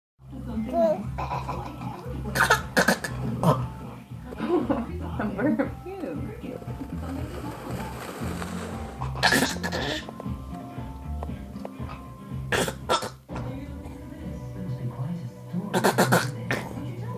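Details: Child fakes coughing for sympathy: several short, forced coughs among talking and laughter, with background music.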